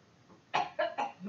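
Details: 48-year-old woman with a T7 spinal cord injury, bilateral pneumonia and an ineffective cough, seated, gives three short, forceful coughs with a manual squeeze below the ribs: manually assisted cough.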